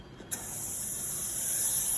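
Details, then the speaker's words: Dental air-water syringe spraying water for an isolated rinse after topical and anesthetic injection for a root canal on tooth number 8: a soft click, then a steady hiss of spraying water. "Cap goes in the needle capper, and now I'm getting ready to do a nice isolated rinse with just water."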